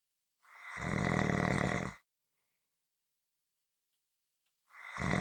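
A long, rough, rumbling snore on the in-breath, then quiet until the next snore begins about four seconds later.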